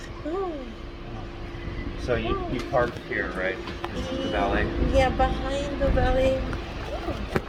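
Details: Adult speakers in conversation; Ordinary speech.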